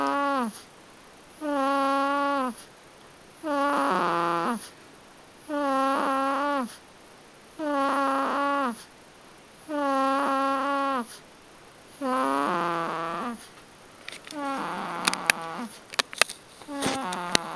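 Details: 2-month-old infant girl asleep in her chair: loud, rhythmic nasal snoring with a buzzing, whistling tone on each breath, about 29 breaths a minute; ordinary snoring.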